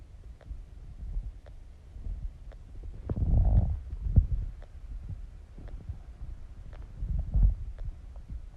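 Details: Low gurgling rumbles with a few louder surges from the stomach during digestion; stomach growling (borborygmi).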